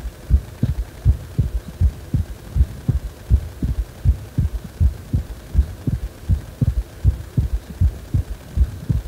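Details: Heartbeat described as feeling like the heart is wobbling: regular low thumps at about 80 beats a minute with a steady background hum.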